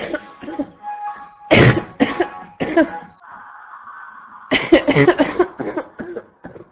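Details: Constant barking cough in a woman: repeated harsh, barking coughs in close clusters, with faint music behind.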